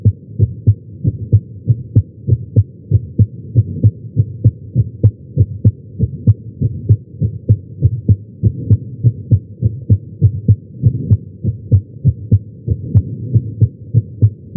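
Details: Heart sounds recorded with a Stemoscope electronic stethoscope at the tricuspid area while lying on the chest during chest pain; steady, regular, low, muffled lub-dub about 98 a minute, no clear extra sounds.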